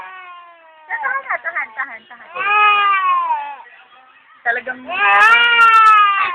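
Loud, sustained wails with choppy fussing between them, a baby crying after waking, with an adult's hushing faintly heard.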